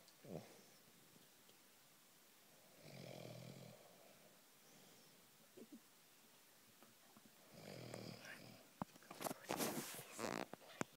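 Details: Slow, rough snoring breaths with quiet gaps between them, then rustling noises near the end: snoring.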